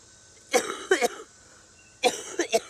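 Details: Woman with cystic fibrosis and a new bacterial lung infection on sputum culture, on IV treatment and oxygen, chest feeling very tight; two bouts of harsh, congested coughing, two to three coughs each; cough in cystic fibrosis.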